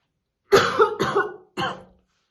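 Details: Woman's real, unacted heavy smoker's morning cough while brushing her hair: three deep, harsh, wet-sounding coughs in a quick run.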